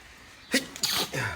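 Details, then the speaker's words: A single sneeze from a man who says he has allergies and sinus trouble despite taking medicine: sharp indrawn breath, then an explosive, hissing sneeze with a short trailing breath. "whoa whoa God bless me wait oh wait I was about to delete this but this is funny bro"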